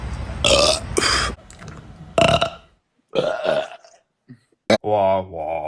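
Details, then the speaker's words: Several short guttural belches with pitch, one burp sounding G and E (a minor third), then a sung tone, partly mixed with music; burping. "so when he burped he made a g and an e which is a minor third uh"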